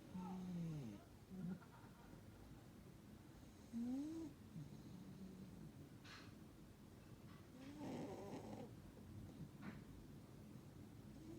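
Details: Sleeping Burmese cat snoring: soft, low rasping snores with faint room noise between breaths.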